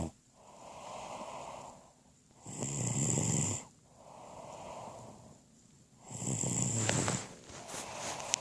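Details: Loud rattling snores alternating with softer breathing, about 17 breaths a minute, each inhalation a harsh fluttering snore; snoring.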